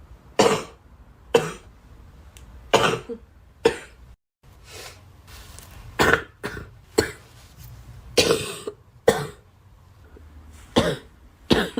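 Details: About a dozen short, sharp coughs in a row from a girl, with brief pauses between them; repeated coughing.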